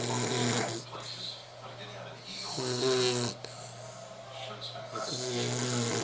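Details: Sleeping puppy snoring in rhythmic cycles, about 23 a minute, with a steady low hum in the background.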